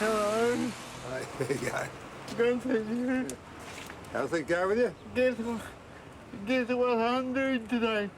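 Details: 32-year-old man with cerebral palsy present since birth, dependent on 24-hour care; slurred speech that worsens when he is tired; dysarthria (cerebral palsy).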